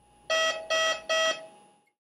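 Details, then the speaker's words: Vapotherm Precision Flow Plus high-velocity nasal insufflation unit, gas supply fault alarm triggered in a demonstration by disconnecting a gas supply from the wall or Q50 compressor: three loud, evenly spaced electronic tones. "this alarm monitors the guests supply to the unit when we disconnect any one or both of the gas supplies from the wall or the q50 compressor the unit will alarm"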